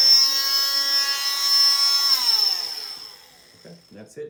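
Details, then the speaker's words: Oscillating cast saw bivalving a below-knee cast, now cutting its other side: a high-pitched steady whine as it cuts through the fiberglass cast, winding down as the saw switches off. "Some people put it against their stomach. You just want something else besides this one hand when you're cutting that, okay? So now we're gonna cut the other side."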